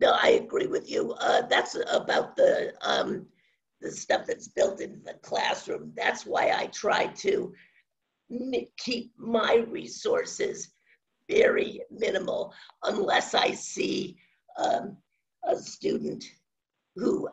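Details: Adult woman with spasmodic dysphonia, which she says has no cure and began around 2010, progressively worsening since; she was awaiting a Botox injection that her doctor postponed; spasmodic dysphonia.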